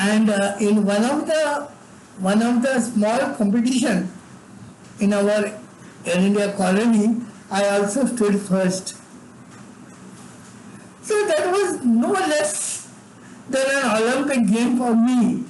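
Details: Adult man with severe cerebral palsy from birth, involuntary tremors throughout his body, and no speech until age eight: dysarthric speech in cerebral palsy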